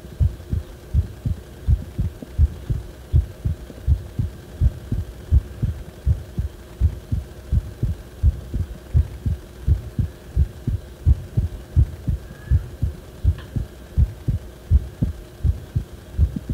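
Regular low heart thumps at about 82 a minute, with a steady hum underneath; the heart sounds are abnormal.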